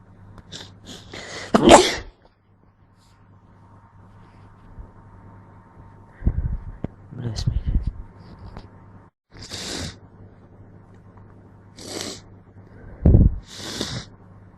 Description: Jus a few stray natural sneezes i caught on rec wit my cold.. A couple of false starts n little blow towards the end..